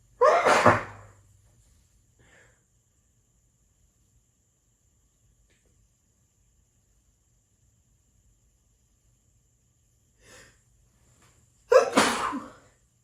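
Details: Two loud sneezes about eleven seconds apart, with quiet between them, in a small room; the person was just messing about sneezing.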